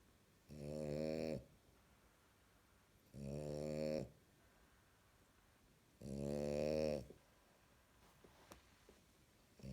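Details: French bulldog snoring loudly in sleep: buzzy snores about every three seconds, roughly 21 a minute, with quiet pauses between.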